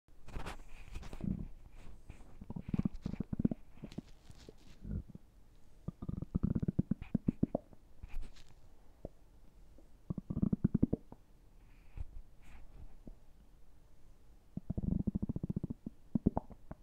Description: An epic five-and-a-half minute long gut-bustin session, courtesy of the 2021 tummy year!